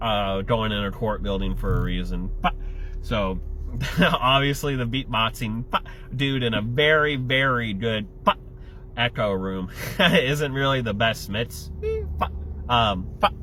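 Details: Adult male with Tourette syndrome, tics including an obscene-gesture motor tic and a yelled F-word vocal tic; simple vocal tics (Tourette syndrome).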